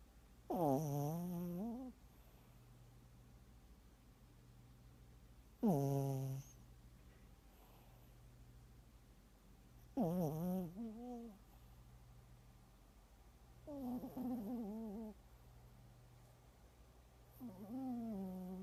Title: Twinkie the Teacup Poodle - snoring (turn it up)